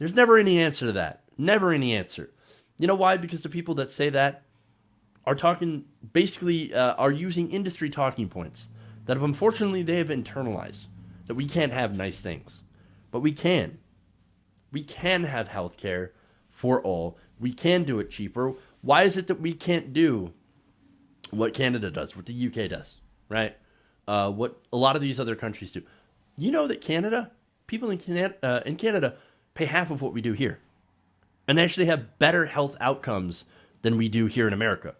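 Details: Adult male speaker; normal speech.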